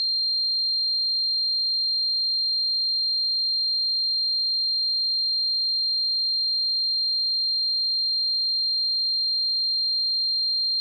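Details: Tinnitus sound effect simulating what tinnitus is like: a steady, high-pitched pure tone running unchanged throughout, best heard on headphones or good speakers.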